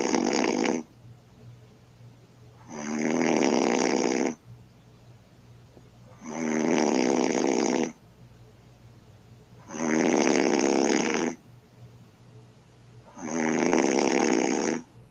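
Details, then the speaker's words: Loud rasping snores from an adult woman (a man's girlfriend), one on each in-breath about every 3.5 seconds (roughly 17 breaths a minute), with quiet out-breaths between them; snoring. "he says my girlfriend's snoring like a beast let's see"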